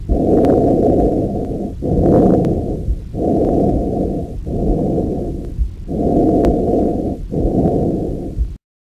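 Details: Normal tracheal breath sound on lung auscultation during a clinical respiratory exam: loud, harsh, hollow airflow over the trachea in both inspiration and expiration, with short pauses between.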